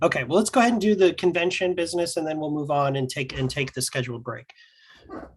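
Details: Adult speaker; Normal voice.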